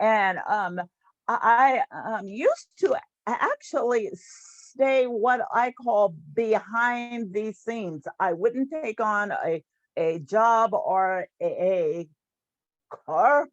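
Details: Adult woman who stutters, with audible sound and word repetitions; stuttering.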